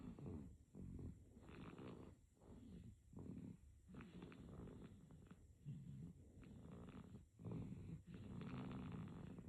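Soft, rapid rattling snores with each breath, close together, in a sleeping baby. Light snoring.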